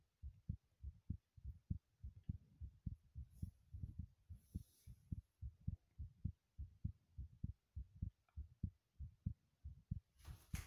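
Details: Heartbeat recorded while running: fast, regular low thumps around 98 a minute, a heartbeat quickened by exercise.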